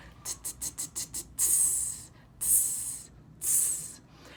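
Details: Speech therapist's demonstration of lateral lisp correction: with lips pulled back and tongue narrow, a held /t/ said faster and faster shapes /s/, with air coming out the front of the mouth rather than the sides.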